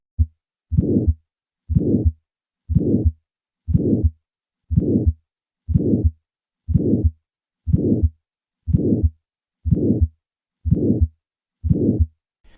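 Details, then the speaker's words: Teaching heart sound demonstration: regular rhythm near 61 a minute, each beat with a sharp early ejection click leading into a harsh systolic murmur from left ventricular outflow obstruction; aortic stenosis murmur with ejection click. "Pathologic murmurss secondary to obstruction across the left ventricular outflow tract can occur at the subvular, valvular, or even supervular level. Notice the ejection click that initiates this murmur."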